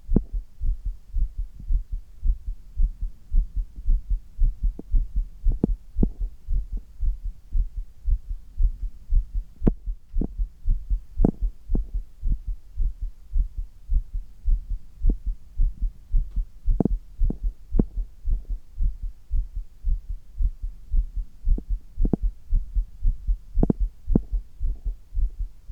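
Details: Strong, fast, regular heartbeat of about 110 beats a minute, recorded while doing handstand push-ups upside down; the heartbeat is strengthened by the exertion.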